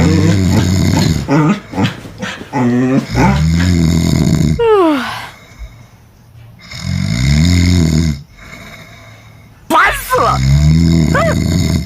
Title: How a Border Collie responds when it finds its owner snoring during sleep #funny#border collie